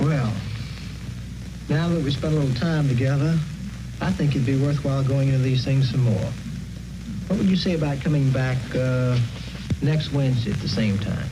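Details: Adult man speaking, acted clinical interview; normal adult speech.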